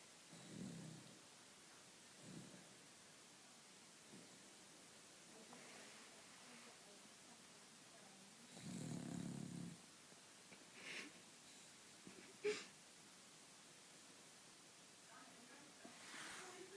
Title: Dog snoring